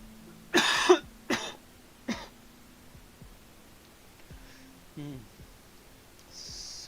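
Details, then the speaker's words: Three short, harsh coughs in quick succession from an adult at the end of a cold, followed by faint background tones. "sorry if you can hear the coughing. I am on the end of a cold."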